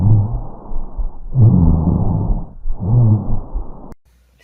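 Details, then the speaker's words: Rhonchi on lung auscultation: low-pitched, rumbling, snoring sounds through both inspiration and expiration, caused by secretions or fluid moving in the large bronchi. "roncus este sonido se logra escuchar durante todo el siglo ventilatorio es decir durante la inspiración y la inspiración y si este sonido es causado por los movimientos de las secreciones o fluidos presentes en los bronquios gruesos"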